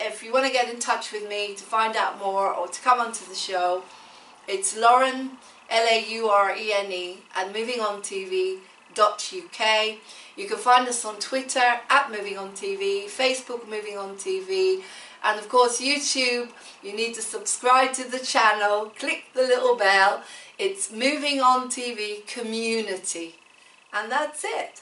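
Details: Adult woman, host; Normal speech.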